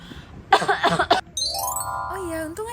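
An adult woman gives a short acted burst of dry coughing and throat clearing, followed by a musical chime.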